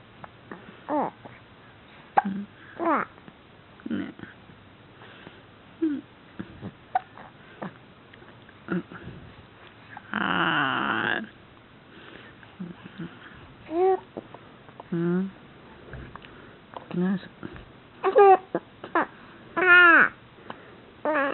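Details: Goat (Jewel; father a Scottish Alpine) hiccupping: short, abrupt, irregular voiced hiccups about 39 a minute, in a small room.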